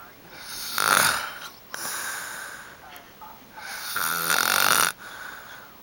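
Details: Snoring: two loud, rough, rattling inhaled snores separated by quieter breathing.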